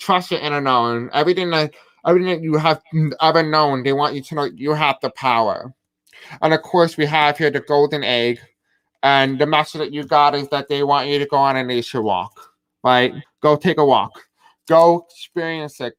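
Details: Deaf speech in a man who describes himself as having a deaf accent.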